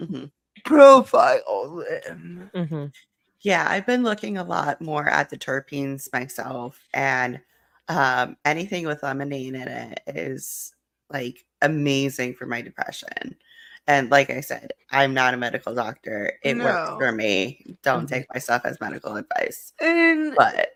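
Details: Adult woman speaking; typical speech.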